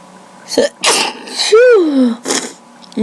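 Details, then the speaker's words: Random sneezing fit recorded on a webcam, no allergies, nose tickling; several quick sneezes in a row with a voiced cry at the peak of one and sharp breaths in between; the sneezer says one was powerful and made them dizzy. "s a lot, so so I'm sneezing. Oh, this is crazy. That was powerful. That made me dizzy."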